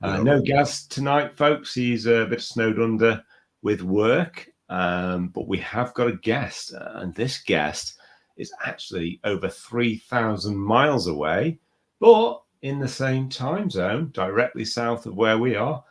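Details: Adult male speaker; normal voice.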